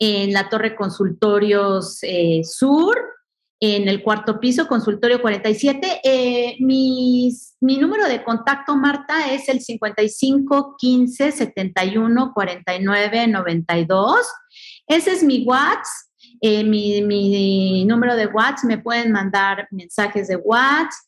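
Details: Adult woman speaking Spanish; normal speech.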